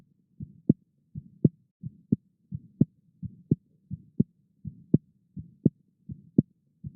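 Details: Korotkoff sounds during blood pressure measurement: regular, steady tapping beats about 85 a minute, heard as blood flows turbulently through the partially cuff-constricted artery between systolic and diastolic pressure.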